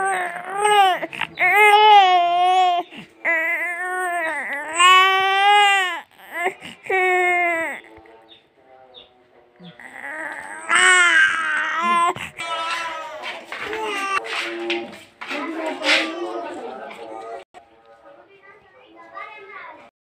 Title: BEAUTIFUL baby Crying Video Full Watch